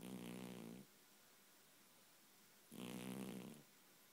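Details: Two rough, low, rattling snores about two seconds apart with quiet pauses, from a sleeping cat that is dreaming and twitching, described as snoring really loudly; snoring.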